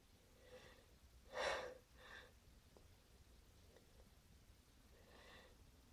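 Quick catching inhalations build up to one loud, explosive sneeze, followed by further gasping breaths of another buildup.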